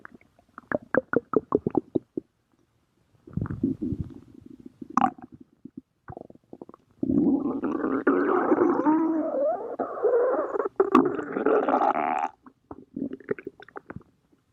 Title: My stomach growling